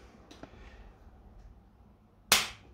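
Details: Quiet room, then a single sharp snap as a spring-loaded Activator V chiropractic adjusting tool fires during an Activator Method basic scan, at the right medial scapula, on an adult woman with a stiff right shoulder and knee after Zumba.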